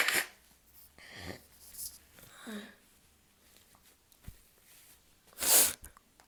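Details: Soft breathy sounds and sniffs, then one loud explosive sneeze near the end, deliberately induced by someone with a usually stubborn, sore nose; a sneeze.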